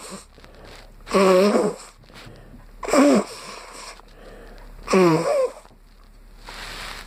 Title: Sneezing because I caught a friends cold